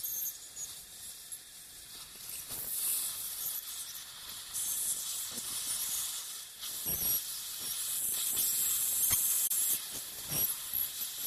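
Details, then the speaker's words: Piezoelectric ultrasonic bone saw making crestal osteotomies with light sweeping strokes in dental sinus surgery: high, hissing ultrasonic sound rising and falling with each sweep. "so as again as with the sinus window osteotomy there's very little pressure just more of a sweeping motion and uh this saw cuts vertically as as well as as sagittally so it you gives you a two-dimensional in ision"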